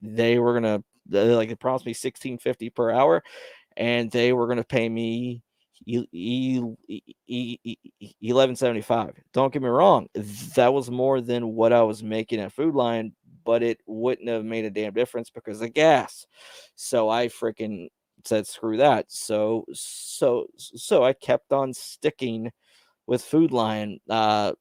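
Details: Male podcast host who describes having his own stutter, speaking on a live stream; stuttering.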